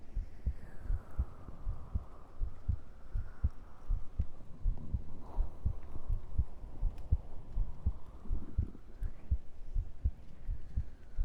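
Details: Steady low thumping heartbeat at about 80 beats a minute under a soft hum, picked up by a very sensitive in-ear microphone during an ASMR stream; breathing also audible; ordinary heart sounds.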